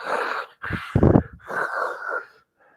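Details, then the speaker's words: Adult imitating snoring from upper airway obstruction: noisy breaths with a low rattling snore, mimicking how an unconscious or sleeping person's airway kinks and obstructs before a head-tilt chin-lift opens it. "Qué pasa uno se durmió yo voy en el bus y me dormí estoy haciendo esto y qué hago empiezo a hacer a roncar Miren la diferencia es Ojalá alcancen a escuchar y van así cierto"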